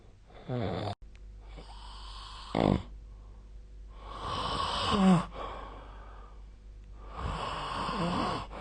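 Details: Sleep snoring recorded with the SnoreLab snore-tracking app: three long, rough, rattling, fluttering breaths separated by quieter pauses, with a steady low room hum.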